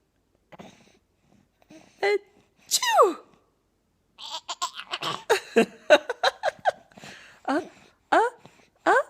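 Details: Simulated sneezes: an adult repeatedly acts out playful "achoo" sneezes, each followed by bright laughter from a six-month-old infant; the sneezes are not real.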